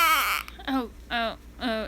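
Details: Infant in a grumpy, crying period for about three days, also having hiccups; short fussy whimpering cries in three or four brief bursts: grumbling infant cry.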